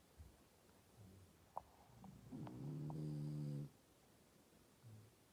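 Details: French bulldog, described as snoring very loudly: a single low, rattling snore with a buzzing tone between quiet breaths in a small room; dog snoring.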